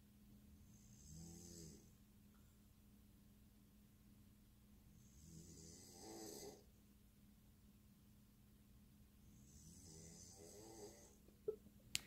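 Three soft, rattling snores about four seconds apart, roughly 15 a minute, with a hissing breath between them. Ordinary snoring.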